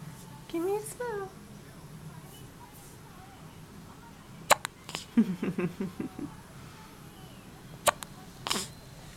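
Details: Hiccups in an infant playing on the floor: babbling and squeals with a few sharp, brief catching sounds in a quiet room.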